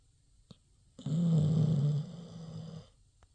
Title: Pitty Snoring